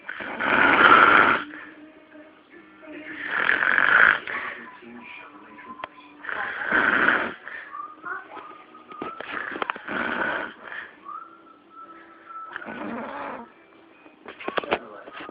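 Loud, harsh snores repeating about every three seconds, with quieter sounds in between. Snoring.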